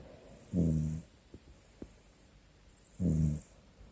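Two low, rumbling snores about two and a half seconds apart with quiet breathing between, typical snoring in sleep.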